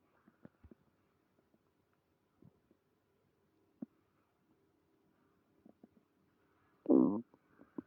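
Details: Stomach growling (borborygmi) with stomach pain after eating creamy pasta: soft gurgles and pops from the belly, then one loud, low rumbling growl.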